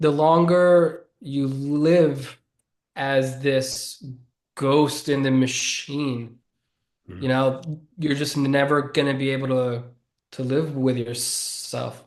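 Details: Adult man who has stuttered since childhood and says it is audible in his speech. Finding: stuttering.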